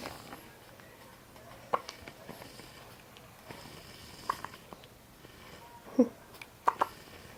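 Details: Infant hiccups: four brief, sharp, jerky catches of breath at irregular intervals in a quiet room.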